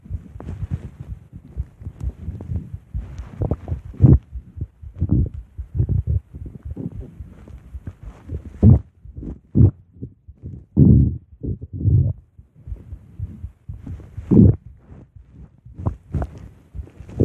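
Irregular low gurgling and rumbling bursts over about seventeen seconds, ordinary stomach growling.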